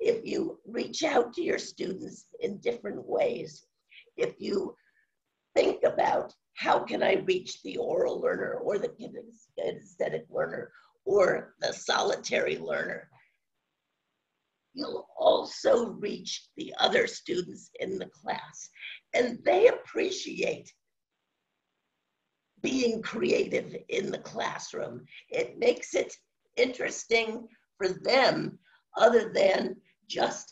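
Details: Adult woman with spasmodic dysphonia, no cure, onset around 2010 and progressively worsening; awaiting a postponed Botox injection; scratchy voice; finding: spasmodic dysphonia.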